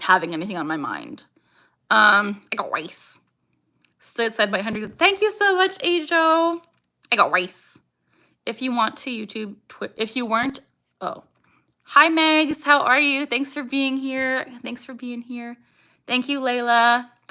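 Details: Young woman with Tourette syndrome, vocal tics including saying "I got rice", "ha" and barking; strong emotion such as anxiety or excitement increases her tics, and she tics more during livestreams; vocal tics (Tourette syndrome).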